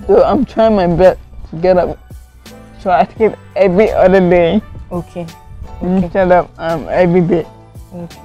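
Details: Adult woman with cerebral palsy from lack of oxygen to part of her brain, impairing coordination; could not talk at first; dysarthria in cerebral palsy.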